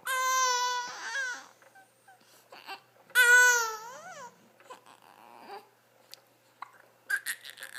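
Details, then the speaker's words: Infant crying: two loud, clear cry bursts with a tonal wail, separated by quieter fussing and small vocal sounds in a quiet room; the baby often has hiccups. "No, no reason to cry, baby. Let's hear it."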